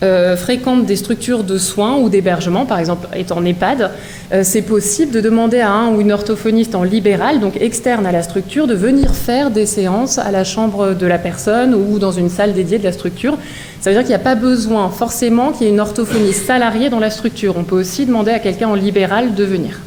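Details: Adult woman speaking French; normal speech.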